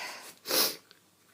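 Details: Adult feeling run down and unwell, with some coughing and a hoarse voice: a single short, high-pitched, hissing sneeze followed by quiet.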